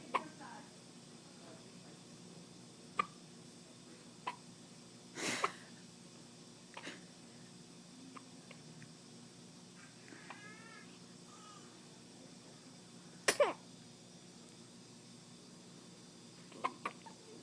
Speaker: Guys, what's going on this morning? Do you have a hiccup chorus? Hiccup chorus?